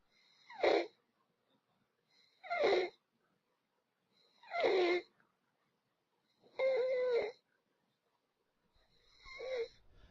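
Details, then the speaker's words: Child, training example for community health workers: harsh, high-pitched crowing sounds with each breath in, about five times, inspiratory stridor, a danger sign when calm. "strider occurs when there is a swelling of the upper part of the child's throat a child who is strider when calm has a dangerous condition listen for strider when the child breathes in put your ear near the child's mouth because stridor can be difficult to hear"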